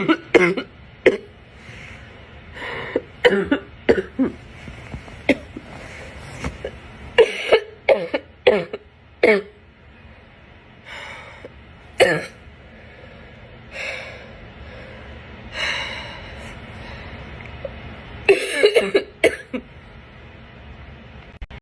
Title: Morning Barking Cough